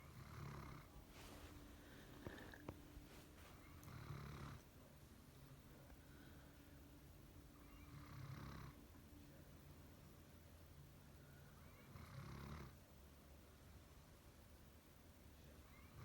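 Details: Low rumbling snores about every four seconds, roughly 15 breaths a minute, with quiet exhales between over steady room hiss: ordinary snoring.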